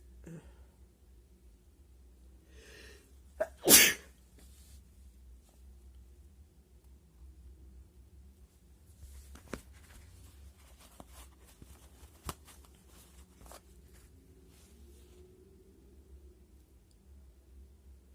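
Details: Hay fever-induced sneeze, triggered with paper after a day of itchy nose: a quiet intake, then one loud, sharp sneeze, followed by faint rustling.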